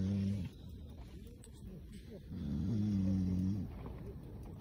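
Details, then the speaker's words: Father snoring while others fish outdoors: two deep, droning snores on the in-breath with a quieter pause between, faint outdoor background. "а это батя тут храпит Ну это нормальная тема для рыбалки"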